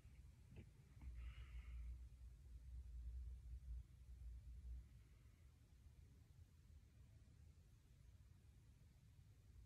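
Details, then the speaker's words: Student nurse listens with a stethoscope over the abdomen for bruits; only low rumble and handling noise, no whooshing bruit; normal, no abdominal bruits. "And I didn't hear anything there, so that is completely normal. No abnormalities."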